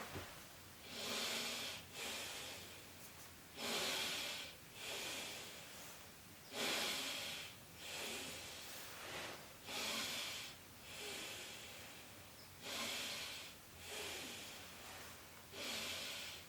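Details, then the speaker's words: Stethoscope auscultation over a male patient's back during deep breaths, part of a physical exam, heard as soft, even vesicular breath sounds at about 10 breaths per minute with no added sounds; lungs clear to auscultation, normal. "okay very good lung sounds are clear to auscultation"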